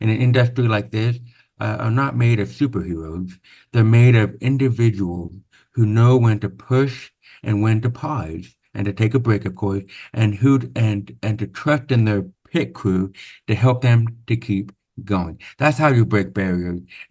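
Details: Deaf speech in a man born with severe/profound hearing loss (about 90%), with over 13 years of speech therapy; real, not acted.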